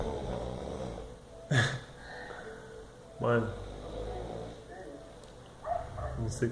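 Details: Short, loud snorting snores from a sleeping person every couple of seconds, against room noise and soft background talk; snoring.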